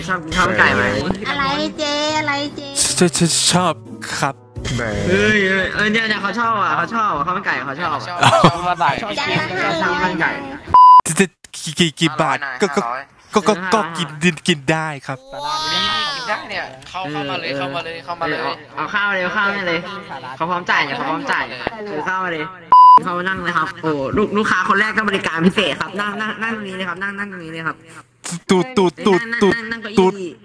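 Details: Male player deliberately faking a stutter as a prank, with repeated words and syllables; finding: stuttering (imitated).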